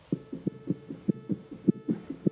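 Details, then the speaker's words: Tachycardia heard by stethoscope: rapid, regular heartbeat at roughly 150 beats a minute, a heart beating faster than the normal 60; may be normal with emotion or physical activity, sometimes not. "Esto es taquicardia. Exactamente, por lo que estamos escuchando un corazón que late más rápido, que puede ser normal en el sentido de que, por ejemplo, usted está experimentando una emoción o hacer alguna actividad física, como hemos dicho antes."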